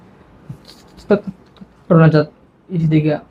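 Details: Stuttering in a boy who has memorised the Quran; he gets stuck saying his own name, his father's name or his madrasa's name, but does not stutter when reciting the Quran.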